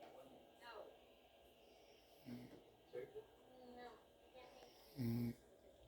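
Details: Soft, low snorting breaths at irregular intervals from a sleeping cat, with a louder rattling snore near the end; snoring.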